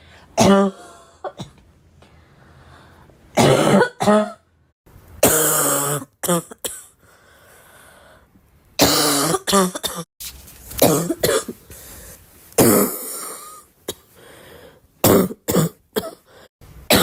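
Repeated harsh, forceful cough bursts with quiet gaps between them; an ordinary cough.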